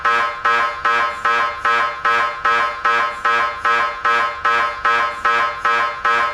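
Loud, evenly repeating buzzing knocks, about 150 a minute, typical of an MRI scanner running a sequence.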